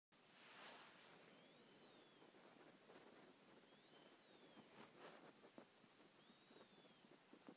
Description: wheezes while sleeping